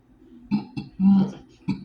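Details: Woman with Tourette syndrome; throat-clearing sound between sentences; vocal tic (throat clearing).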